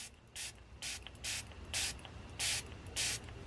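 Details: Six short, evenly spaced hissing spray bursts from an ear wax removal kit (Utility Tip) sprayed into the second ear during first at-home use.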